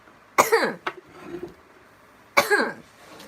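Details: Girl who says she is crossfaded and on an antidepressant, burping while drinking: two harsh, voiced coughs about two seconds apart, each followed by a short burst of repeated dry coughing.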